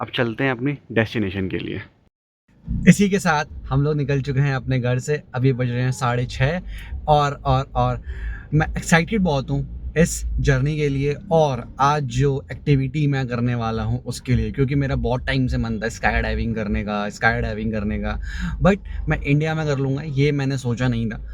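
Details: Man who calls himself a stammering speaker, talking in Hindi, with stuttering shown by repeated words.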